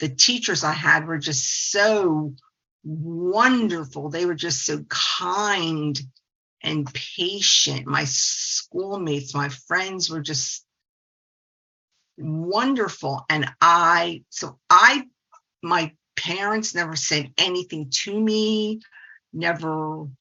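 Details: Stuttering in a 68-year-old woman who is a speech-language pathologist.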